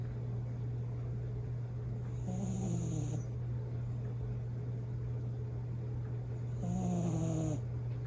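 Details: Bichon Frise dog snoring in sleep: two soft rattling snores with a thin whistle on the in-breaths over a steady background hum.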